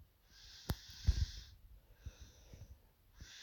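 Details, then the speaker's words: Sleeping baby girl with a cold and stuffy nose: soft, hissy, snuffly congested snoring breaths in a steady rhythm, quiet room. "Oh yeah, if you can hear baby snoring, apologies, but she's not been well at the moment, so she's a little bit stuffed up."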